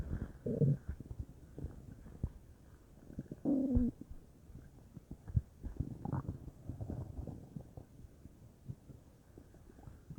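Soft low gurgles and bubbling rumbles come and go irregularly over a quiet background, typical of ordinary bowel sounds.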